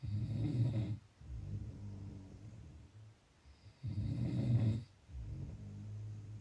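Two slow, low rattling snores on in-breaths with quieter out-breaths between; regular snoring.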